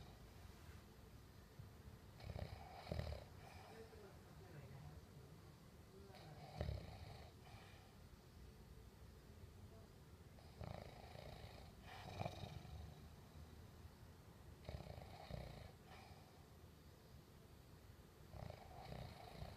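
Low rumbling snores repeat about every four seconds, roughly 15 breaths a minute, over soft room noise; steady snoring.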